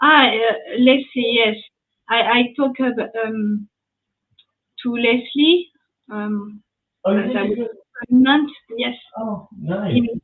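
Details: Young woman, French, with lasting aphasia after an ischemic stroke at age 22 in July 2011; initially mute for 10 days, then a year of rehabilitation; speaking years later, still recovering language; post-stroke aphasia.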